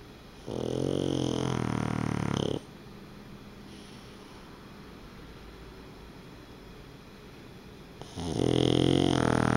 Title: イビキ犬 - snoring dog -